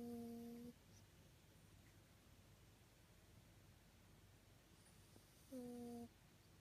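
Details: Snoring in a sleeping toy poodle, owner suspects a nose problem from a past injury: two steady, humming snores about five and a half seconds apart over quiet room noise.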